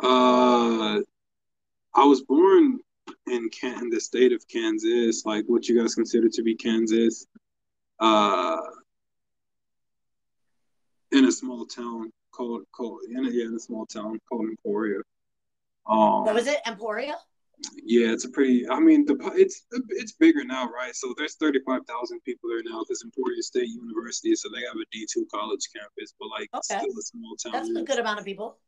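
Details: Adult man, conversational speech; typical voice.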